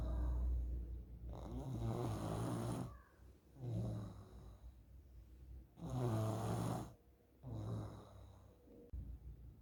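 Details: Child snoring loudly and roughly on each in-breath during sleep, about three breaths in ten seconds, from a partly blocked airway; parent suspects a sign of nasal polyps.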